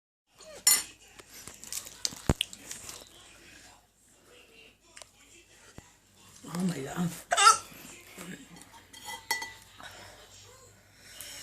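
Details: Adult woman's hiccups after eating chili: several sudden, sharp gulping sounds interrupt soft voice and breathing noises, with faint kitchen clatter in the background.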